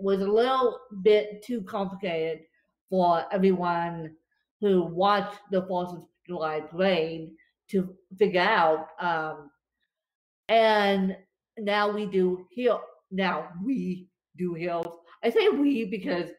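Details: Real dysarthria in a woman with cerebral palsy affecting her limbs and brain, recorded after a bad spasm day, which she says leaves her more tongue-tied than usual.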